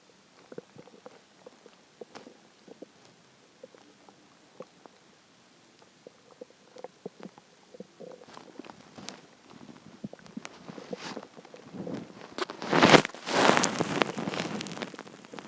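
Scattered soft gurgles and clicks build into a loud, drawn-out rumble near the end; ordinary hunger growling of the stomach.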